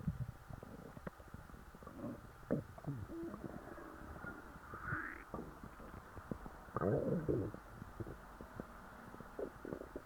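Irregular gurgles, squeaks and low rumbles from the belly over ten seconds: ordinary stomach growling after a large meal.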